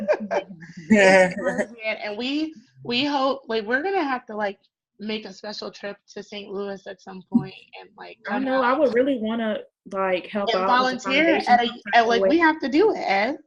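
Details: Adult woman; typical speech.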